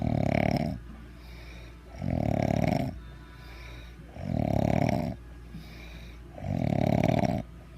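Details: Loud, rough, bad snoring about every 2.2 seconds, roughly 27 a minute, with quieter breathing between.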